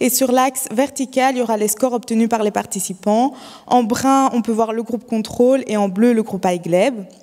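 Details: Adult woman speaking French; no speech disorder.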